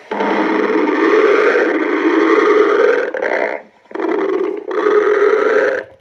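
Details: Loud, drawn-out stomach growling (borborygmi) in three rumbling stretches with brief pauses between.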